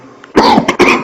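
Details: Two loud, harsh cough bursts close together from an adult with a cough complaint, in a quiet room.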